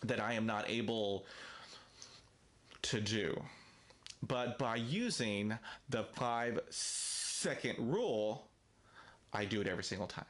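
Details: Stuttering in an adult man with daily fluency struggles who uses a self-help book to cope; word repetitions are present.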